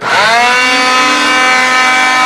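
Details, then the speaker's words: Oscillating cast saw at high speed cutting off a below-elbow wrist cast, moved progressively up the cast to avoid burning or cutting the patient; a loud, steady, high-pitched motor whine that spins up and holds. "keep continuing up the cast come back to it later don't keep pressing the same spot you will end up burning them or cutting them one of the two"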